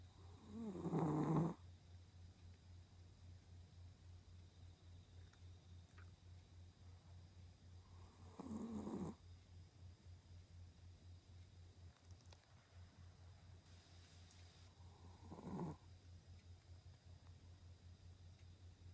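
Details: A sleeping pet's snoring, recorded on request: soft snores, three breaths in about nineteen seconds, under a steady low hum.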